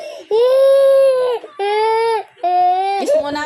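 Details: Young child, one of twins, crying after a quarrel with mommy: three long, clear wailing cries separated by brief breaths in a small room, while the mother coaxes the child.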